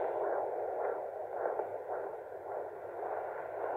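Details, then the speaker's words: Maternal heartbeat heard on a home fetal Doppler during pregnancy, strong mother's pulse overpowering the baby's: rhythmic whooshing pulses at about 105–110 a minute, slower than the fetal heartbeat. "late sound I don't know if you can hear it is still my heart is also my review"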